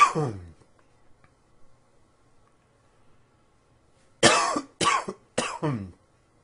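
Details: One cough, a quiet pause, then a run of three harsh coughs from an adult.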